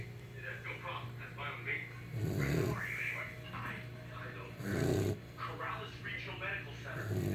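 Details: Saint Bernard dog snoring: deep, rattling snores, two long bursts a few seconds apart, with faint talk or television in the background.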